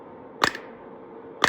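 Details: Two sharp snapping clicks about one second apart over quiet room noise: a Kalecope Q60 radial low-intensity shock wave therapy device firing at low settings.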